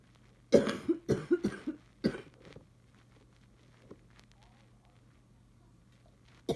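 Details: Adult dry cough in bursts of about five coughs in two close runs, then quiet room noise; the person reports bad allergies with sneezing, now coughing, and wonders if the cough is from allergies.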